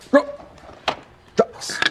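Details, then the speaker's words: Adult male teacher with Tourette syndrome making brief, sharp, voiced barking or whoop sounds ("wop wop"), a simple vocal tic; he also has neck, arm, blinking and sniffing tics. "I do the barking noise. You can call it a wop wop sound, ja ja sound, whoop choop sound, whoop whoop, whatever you want. It's a vocal."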